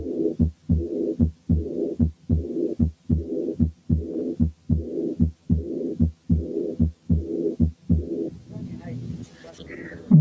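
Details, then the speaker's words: Aortic regurgitation due to syphilis, so the second sound is somewhat ringing: regular heart sounds near 75 a minute with a blowing early diastolic murmur filling the pause after each second sound. "نسمع مثال تاني لأيورتيك ريجرجيتيشن سببه سيفلس، وعشان كده السكند ساوند فيه له رنة شوية."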